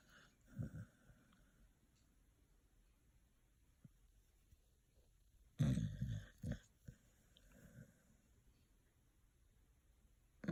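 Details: Sleeping dog snoring: a few low, rumbling snorts and breaths, irregularly spaced, in a quiet room.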